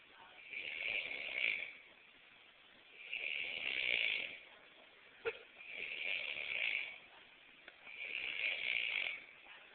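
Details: Snorer who reportedly needs surgery: four long, hissing, high-pitched breathy snores at about 12 per minute, with quiet gaps between.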